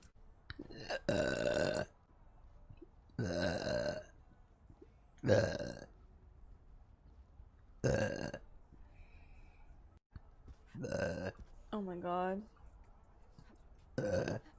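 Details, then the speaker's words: Adult woman burping from motion sickness and nausea, feeling about to throw up: six or seven loud, drawn-out voiced belches in a row with brief vocal sounds between. "when i got motion sickness i uh started burping because i need to throw up"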